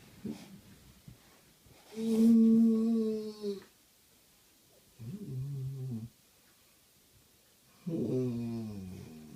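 Three loud, drawn-out vibrating breaths with quiet gaps between, in a small room: snoring.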